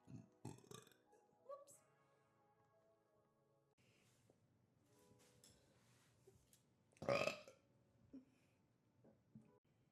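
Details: Repeated belching: several short burps of varying loudness and one loud burp near the end, over faint background music; ordinary burping.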